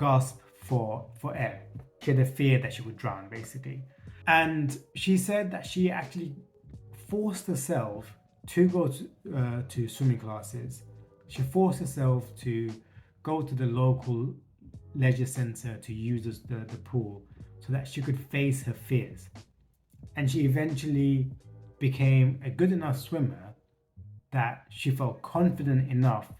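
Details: Stuttering in an adult man who states he has a stutter and has worked to reduce it by facing his fears.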